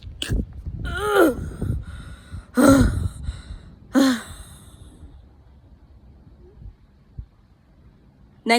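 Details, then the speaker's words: A cough held back in class: three strained, voiced bursts with a squeaky, wavering pitch, a suppressed cough. "if you're in class, just cough it out. Don't do what I did."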